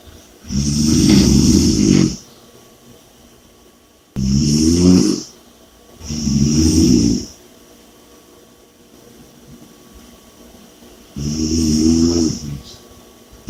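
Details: Four loud, rough, rattling snores over about 13 seconds with quiet pauses, roughly 12 breaths a minute; heavy snoring.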